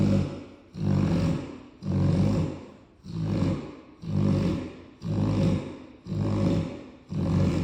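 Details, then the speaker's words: Snoring from a sleeping, tired Cane Corso dog: loud, rumbling snores, about eight breaths at roughly 58 a minute, likened to a grown man snoring. "My boy tired. Boy, you snoring like a grown man."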